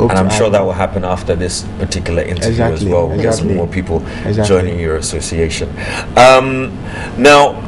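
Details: Adult male speaker (television host); typical speech.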